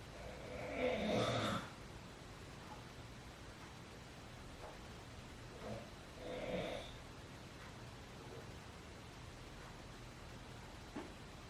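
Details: Father snoring during sleep at midnight: two loud, rough snoring breaths about five seconds apart in a quiet room; ordinary snoring.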